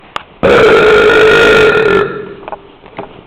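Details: Person burping in the street: one long, loud, voiced belch lasting over a second, then fading, against light street noise.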